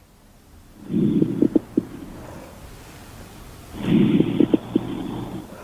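Two breaths heard through a stethoscope, each carrying brief popping, velcro-like clicks: crackles.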